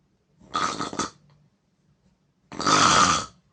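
Two loud, rough, rattling breath noises with a quiet pause between them: snoring.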